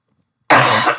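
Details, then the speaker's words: One harsh, forceful cough after silence, which the person says is their asthma cough, not COVID. "no I do not have the c-word that's just my asthma cough"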